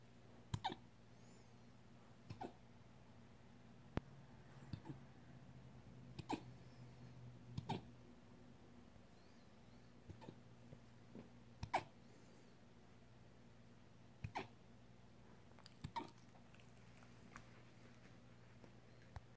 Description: Puppy with the hiccups. My Siberian husky has the hiccups.